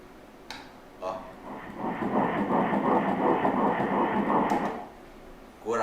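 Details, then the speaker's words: Fetal heartbeat on Doppler ultrasound at 9 weeks 2 days of pregnancy, checked briefly under the ALARA protocol: rapid whooshing pulsations of about 170 a minute, a normal early fetal heartbeat. "Escuchemos rápidamente el corazón usando el Protocolo de Alara"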